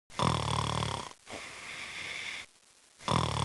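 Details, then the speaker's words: Snoring in a sleeper, presented as possibly a warning sign of sleep apnea: loud, rough, rattling inspiratory snore followed by a quieter breathy exhale, then the next snore begins. "塞，他睡得真香。错，这可能是睡眠在报警。打鼾憋气，白天犯困，晨起头痛，这可能是睡眠呼吸暂停。"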